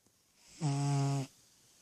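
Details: 10-year-old cat sleeping with its eyes open and dreaming: a single brief, steady, buzzing snore in a quiet room.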